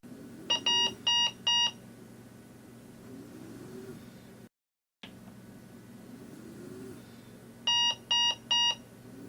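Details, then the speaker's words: Breas Vivo 65 ventilator medium-priority alarm: sets of three tonal beeps, lower in frequency than the high-priority alarm, with the sequence repeating after a six-second pause, over faint room hum. "a medium priority alarm is denoted by three signals with a lower frequency than a high priority alarm and the signal sequence repeats after a six second pause"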